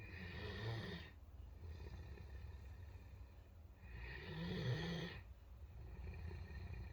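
Slow, deep, rumbling snores about four seconds apart, roughly 15 breaths a minute. Ordinary snoring in a large dog.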